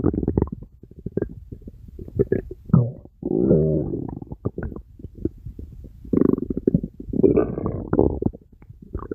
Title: Stomach Rumbling